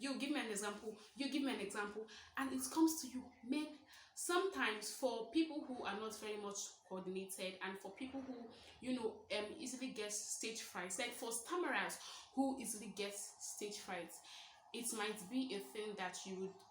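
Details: 23-year-old woman who describes herself as a stammerer, speaking naturally; stuttering.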